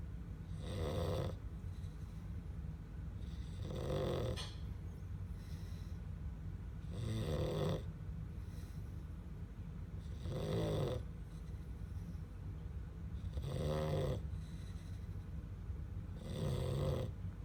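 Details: Sleeping black Labrador puppy snoring: regular rattling snores, about 20 per minute, each on the in-breath with quiet pauses between.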